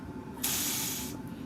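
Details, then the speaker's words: Pop-off valve release on a ProNox nitrous oxide unit when the scavenging suction is turned off and the bag fills completely: a sudden loud hiss of escaping gas lasting under a second, then fading. "When the bag gets completely full, you'll hit the pop-off valve will release and you hear it"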